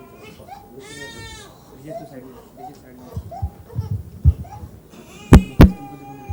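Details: Infant crying.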